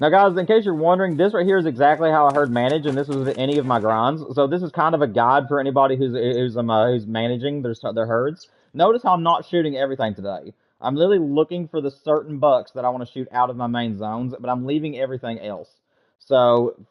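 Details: Adult male with self-reported stuttering, attributed to wanting to talk faster than he thinks and getting stuck in sentences; worse with little sleep, and he slept poorly the night before; stuttering.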